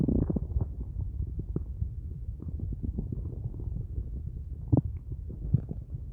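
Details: Hunger borborygmi at the end of a day with only a large cup of coffee and no food: low, continuous gurgling and rumbling from an empty stomach.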